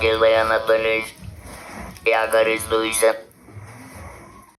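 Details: Apparently a patient who has used an analog electrolarynx (Romet R210) for 7 years, device held to the neck near the Adam's apple; electrolarynx speech.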